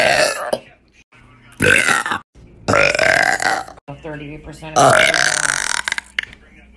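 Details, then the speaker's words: Female repeatedly burping, with hiccups called drunk hiccups: several long, loud, rumbling belches separated by brief pauses and short voiced sounds. "That little burp. That was so loud. I literally heard this."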